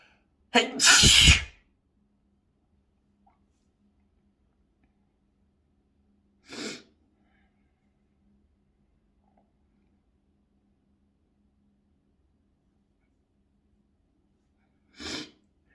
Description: so sneezy